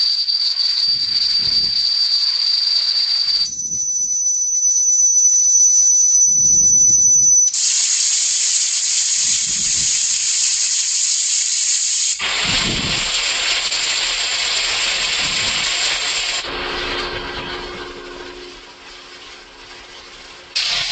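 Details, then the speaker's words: Simulated tinnitus played as a demonstration: a sequence of steady high-pitched tones and hissing, static-like noise, changing every few seconds. "yes that's what people are hearing the volume of tinnitus varies quite a bit from person to person it's very difficult to get an objective measurement"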